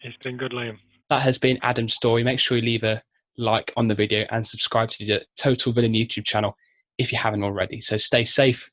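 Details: Adult male host; normal fluent speech.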